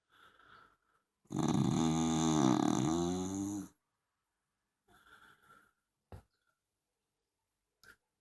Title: Dachshund Snoring, LOUD !! 😊